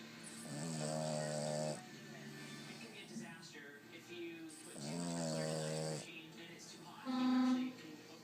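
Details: Boston Terrier dog snoring while asleep, showing his teeth: snoring.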